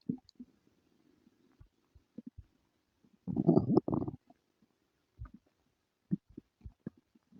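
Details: Stomach rumbling with diarrhea and flatulence: scattered low gurgles and pops with one longer bubbling rumble; ordinary bowel sounds (borborygmi).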